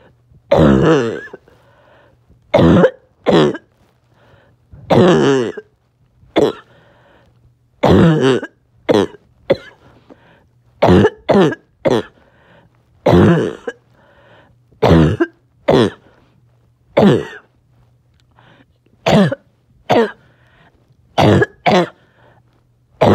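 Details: A child coughs on and off all day, in harsh, barking bursts, often in pairs, with quiet pauses between: barking cough.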